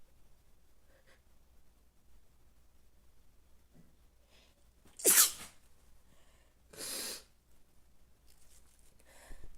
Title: sneezing allergy🤧🤧 #sneezing #sneeze